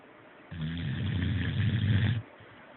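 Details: A single low, rumbling snore lasting under two seconds, with quiet breathing before and after; snoring.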